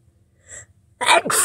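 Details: Person sick with a cold now settled in the nose, sniffly and tickly all day: a faint sniff, then a sharp in-breath and a loud sneeze with a stuffy nose.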